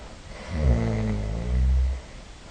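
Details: Single low, rumbling, vibrating breath in sleep from a person who began snoring in their 40s; snoring.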